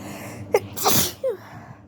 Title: I have a flu right now so these are flu sneezes 😷🤒🤧